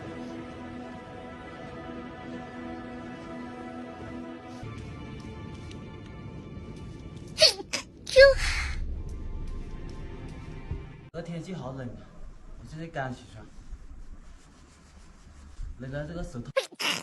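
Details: Young Chinese woman sneezing from allergy: a couple of sharp, wet sneezes with breathy intakes between them, over background music.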